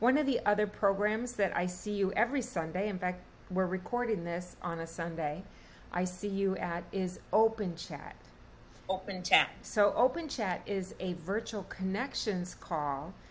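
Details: Adult woman speaking; Normal fluent speech.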